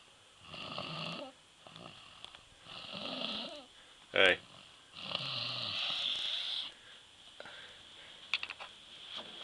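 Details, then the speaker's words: Boy (stepson) snoring in sleep the morning after a night of fireworks: three rough, rattling snores with quiet gaps and a brief sharp noise between; ordinary loud snoring. "That boy's sawing some logs."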